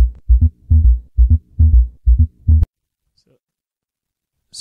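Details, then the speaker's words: S3 and S4 gallop heart sounds in heart failure teaching, following a normal S1 S2: fast heartbeat about 140 a minute, each beat a cluster of extra low thuds, quadruple gallop rhythm; brief voice follows. "i did just want you to hear that normal s1s2 in the beginning and now we'll introduce s3 and s4"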